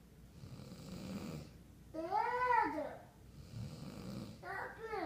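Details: Dad snoring during sleep while his 3-year-old child tells him to stop: low rumbling adult snores with the small child's raised voice over them.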